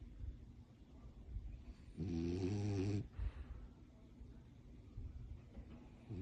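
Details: French bulldog snoring: one loud, rattling snore lasting about a second amid quiet, noisy breathing; snoring in a flat-faced dog.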